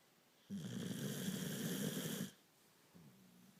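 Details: Small dog sleeping on his back, with a loud, rattling snore lasting almost two seconds, then a quieter one starting; snoring.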